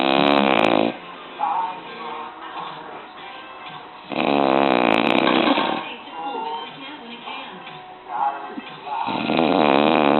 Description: caught my dad off guard as he was snoring his ass off. Caution Loud as hell.